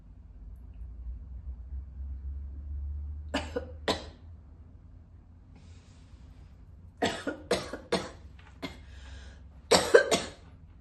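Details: Mature woman smoking a strong cigarette, coughing hard: two coughs, then a cluster of about five hard coughs and a final rough double cough over a low background hum; a real smoker's cough.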